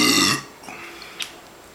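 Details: Adult man during a 40 oz drink challenge: one loud, low, rumbling burp under half a second, then quiet room noise; burping.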